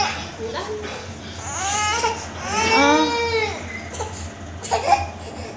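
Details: Infant crying: rising and falling wails in short bursts, with room noise and adults' voices; ordinary crying.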